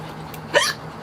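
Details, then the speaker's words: A single short, abrupt hiccup from an adult woman with a bout of repeated hiccups that keep returning, heard over faint room noise. "gone hiccups it's like on demand hiccups"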